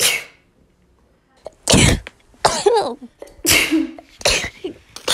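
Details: Daughter sneezing repeatedly: several sharp, explosive bursts of air, each preceded by a brief intake; a series of sneezes.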